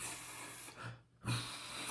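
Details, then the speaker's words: Imitated prolonged forced expiration mimicking air whistling through a narrowed bronchiole, demonstrating the wheeze timbre heard in bronchiolitis. "faz esse barulhinho. Imagine o ar passando por um lugar estreito. É por isso que esse ruído sai né? Dessa forma, né? Esse timbre, imagine o ar assobiando um bronquíolo."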